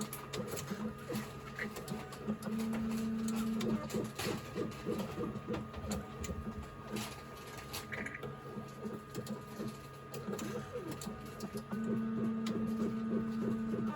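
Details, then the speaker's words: HORIBA CBC/CRP hematology analyzer running a test after an uncapped sample tube is placed and the lid closed (CBC about 1 minute, CBC+CRP about 5 minutes): mechanical whirring, clicking, buzzing and motor hums starting and stopping. "뚜껑은 빼고 여기다 놓고 닫기만 하면 얘가 검사가 시작이 돼요."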